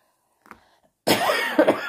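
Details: Adult cough in a vlog about doxycycline for cough: a brief throat sound, then a loud harsh cough burst with a rough voiced tail.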